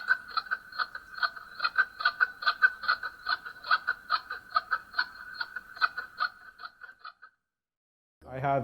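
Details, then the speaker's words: Rapid, regular whooshing fetal heartbeat at about 143 beats a minute, recorded on ultrasound, of a baby later stillborn; fetal heartbeat on ultrasound Doppler. "we will hear a 20-second audio clip of heartbeat from one of his ultrasounds"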